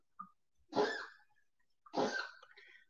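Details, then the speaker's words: Two short, harsh, hacking coughs about a second apart from a dog with congestive heart failure, on medication for it. "is what you call congestive heart failure that's the sound and he's on medicine for it but uh yeah that's what's going on there that's why he's coughing bolo"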